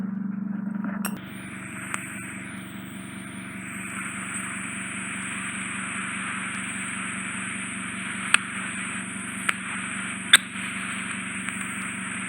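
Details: Endoscopic ear wax suction in the left ear of a man with bilateral occluding ear wax, dead skin and otitis externa; the wax comes out as a single large mass. Steady high hiss and whine of suction with sharp clicks and pops.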